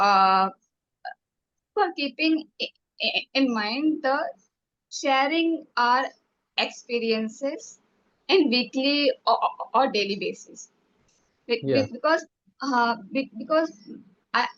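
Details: Woman who stammers, speaking in a stammering self-help group session; syllable repetitions are audible; stuttering.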